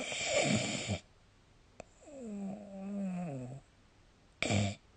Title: 🐽 本日のイビキ / Snoring Sleep Sound 2025/03/25